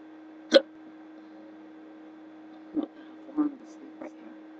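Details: Four short, abrupt hiccups over about four seconds against a steady low hum, from a person in bed at 3:30 a.m. unable to sleep; persistent hiccups that breathing tricks failed to stop.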